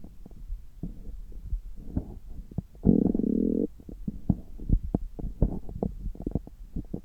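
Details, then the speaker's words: Abdomen heard through a stethoscope about 3 hours after a meal, when the gut is active, with abdominal massage later in the recording: soft low gurgles and clicks with one longer rumbling gurgle; bowel sounds. "今日は久しぶりに聴診器を使ったお腹の音を取っていきたいと思います。今は、食後3時間後ぐらいで、ちょうどお腹がよく動いている時間だと思います。"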